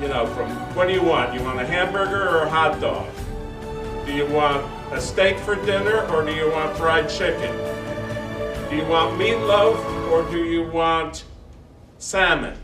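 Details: Adult man speaking; ordinary speech.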